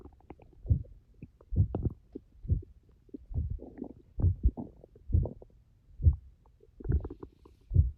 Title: My Stomach growling after starving for 10 hours 🥱😫